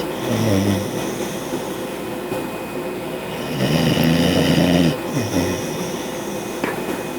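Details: Sleeping bulldog making low, rumbling snorts over loud steady background noise from a window air conditioner; snoring.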